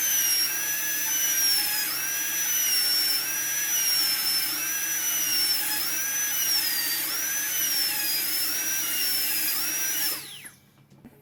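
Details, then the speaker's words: Steady high-pitched dental drill whine with slight pitch dips under load, then stopping: labial reduction (target 1.2 mm) of an upper left canine on a practice model for a PFM crown, margin kept above the gingival margin, checked with putty. "first reduce the gingival part. Then the middle one. You have to be careful not to touch the adjacent teeth, and keep on checking from the putty."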